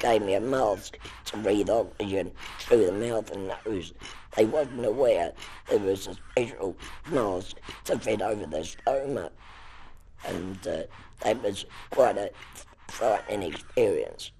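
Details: Electrolarynx speech from a laryngectomee using a Servox electronic artificial larynx held against the neck, its sound passing through neck tissue into the mouth for articulation.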